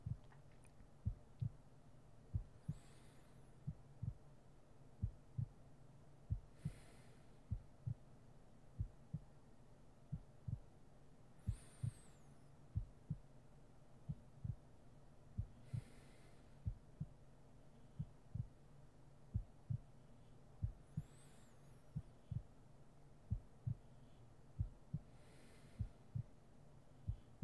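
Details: Steady, slow, muffled heartbeat thumps with soft breaths every few seconds and faint background hum, a heartbeat sleep-aid ASMR roleplay recording; heartbeat.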